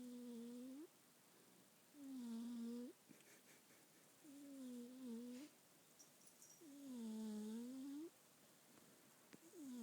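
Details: Small pet asleep, called a bunny but described as a dreaming cat: soft squeaky tonal snores about one every 2 seconds in a quiet room; snoring.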